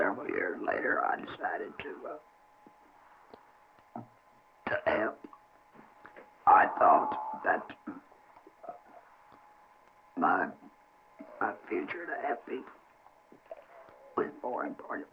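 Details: Adult man whose larynx was surgically removed as treatment for cancer, now speaking with esophageal speech after laryngectomy.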